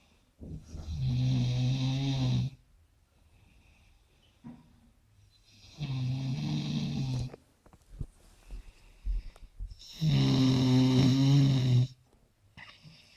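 Three loud, rattling low snores about four seconds apart, each roughly two seconds long, with quiet breathing between: heavy snoring.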